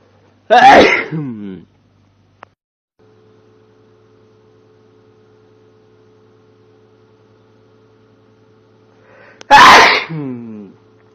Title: Powerfull sneeze (m) estornudos masculino fuerte #sneeze #sneezing #estornudo